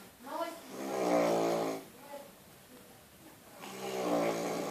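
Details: Heavy snoring: loud, buzzing, vibrating snores on the breaths, with two long snoring breaths heard.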